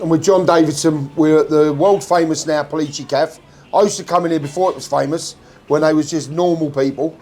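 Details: Adult male speaker; Normal speech.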